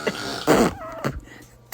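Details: Dad during snoring episode: short, harsh, forceful throat-clearing bursts with a brief voiced grunt between them, amid snorts and laughter. Throat clearing.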